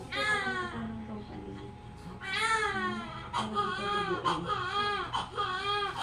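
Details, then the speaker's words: Full-term baby girl, 2.5 kg, just after a normal delivery-room birth, crying a lot: loud, strong, repeated newborn crying, a vigorous normal cry. "Congrats si girl Iyak ng iyak parang sinusuntok ay 2.5 kil si baby"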